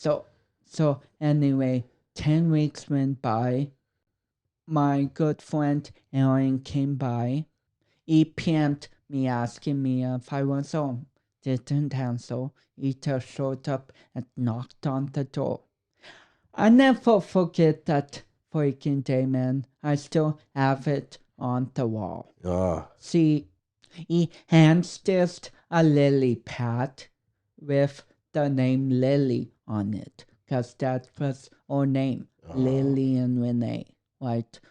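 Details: 32-year-old man with cerebral palsy, which he says affects the brain areas controlling speech coordination and walking; dysarthria (cerebral palsy).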